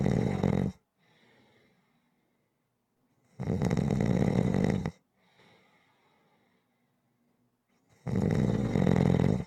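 Loud, rough, rattling snores on each breath in, with quieter breaths out between, about 13 breaths a minute: snoring.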